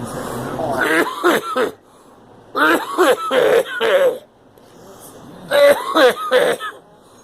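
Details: Girl gives three short bouts of voiced coughing and throat clearing, each two to four bursts, separated by quiet pauses.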